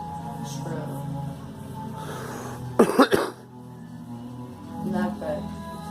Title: Girl coughing